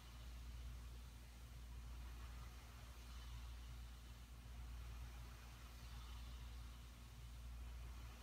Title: After Cpap Machine